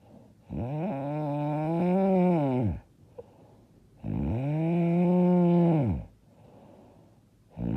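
Loud, tonal, rumbling snores on each in-breath, about 18 breaths a minute, with quiet out-breaths between: heavy snoring.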